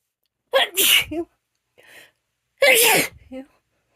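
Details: Female with itchy allergy sneezing: two forceful sneezes, each with a quick in-breath and explosive hissing release, followed by brief voiced sounds.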